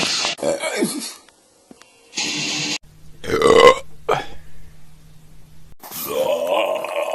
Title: Burp Compilation 2